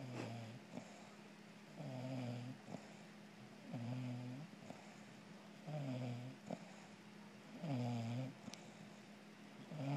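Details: Bulldog snoring while cuddling: repeated low, vibrating breath sounds at about 30 a minute over a steady background hum.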